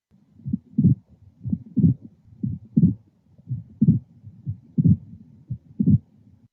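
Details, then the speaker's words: Regular heart sounds near 60 a minute with an extra protodiastolic knock just after S2, in the same position as S3 and easily confused with it: pericardial knock. "asterisco que ustedes ven acá es un ruido que se llama chasquido pericárdico tiene la misma colocación que el tercer ruido cardíaco y por eso se puede confundir pero tenemos que ver el contexto del paciente en el que estamos evaluando y lo consideramos como un chasquido"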